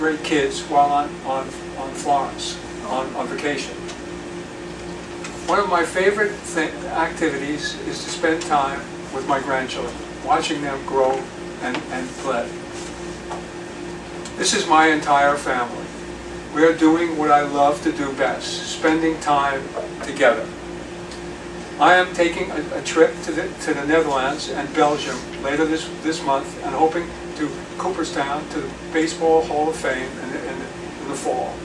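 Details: Aphasia in a male retired pediatrician after a 2014 left-hemisphere stroke from a torn carotid artery, with initial right-sided paralysis (movement since returned); words slowly returning with speech therapy.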